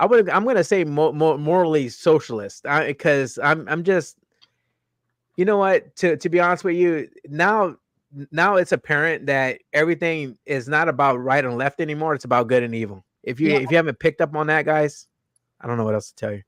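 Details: Adult male host with self-reported stuttering, more marked in his earlier videos and worse with unfamiliar people or new situations; audible word repetitions; stuttering.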